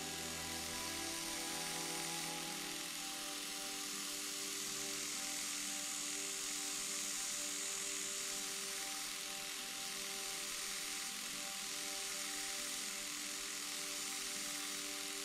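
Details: Steady faint high-pitched whir with soft background tones: M4 Safety reciprocating endodontic handpiece driving a manual file to working length in a mesiobuccal canal of an extracted tooth, pressed fairly hard.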